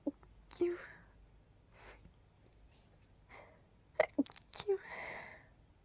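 Several soft, stifled sneezes with breathy catches and quiet bursts in a small room; suppressed sneezing.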